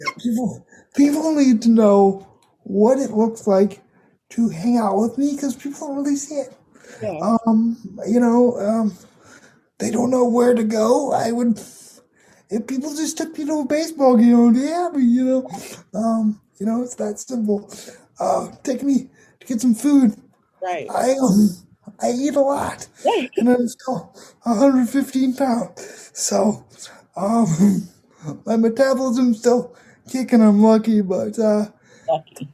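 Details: 22-year-old man with dysarthria from cerebral palsy affecting his muscles; he says tighter muscles make talking more difficult.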